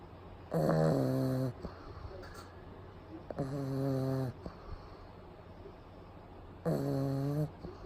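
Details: Pug sleeping during a daytime nap with eyes rolled back showing the whites, recorded close up; loud, regular buzzing snores about 20 a minute with room hum, typical flat-faced dog snoring.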